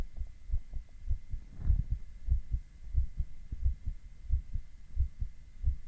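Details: Male heartbeat with ECG: regular low lub-dub beats at about 90 a minute with a faint steady hum behind; normal heart sounds.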